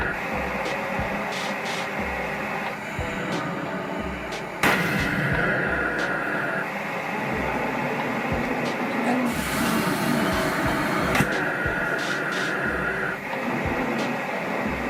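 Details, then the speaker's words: Person with SMA using a cough assist machine on auto mode through a mouthpiece, with breath in, breath out and pause cycles: pushed-in air, then sudden rushing pull-out, over background music; mechanical insufflation-exsufflation. "I have mine on auto so it does breath in and breath out and a pause and you can set the times to whatever you're comfortable with as well"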